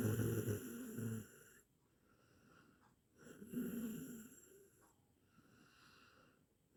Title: 8 minutes snoring sound| best audio quality